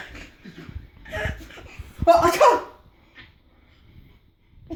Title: Sneezing daddy - laughing baby!